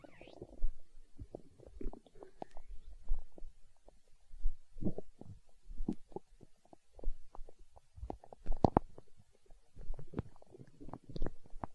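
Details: Stomach growling (borborygmi), hunger sounds from an ASMR recording: irregular gurgling and bubbling rumbles in bursts.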